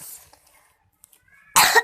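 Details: Single short, loud dry cough after a quiet pause with faint room sounds, recorded while shopping in a squishy and slime shop.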